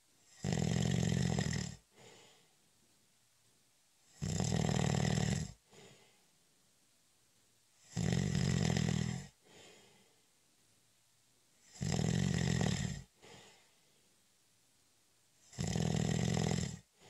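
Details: Snoring during a short, light nap: loud, rough snores about every four seconds, roughly 15 breaths a minute, each followed by a softer out-breath; steady snoring.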